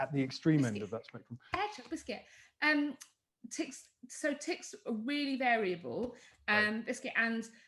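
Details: Adult woman speaking; speech.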